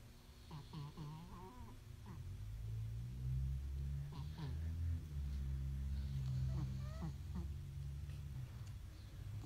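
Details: Deep, rumbling snoring sounds continuing steadily, with faint voices in the background.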